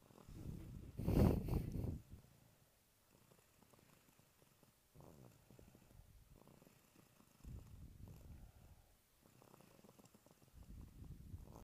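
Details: Congested toddler boy snoring while asleep: low, fluttering, rattly breaths.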